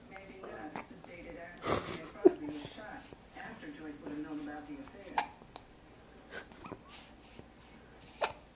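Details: Recorded with a Flip Video camcorder: quiet speech broken by several abrupt, sharp gulping catches at irregular intervals; hiccups.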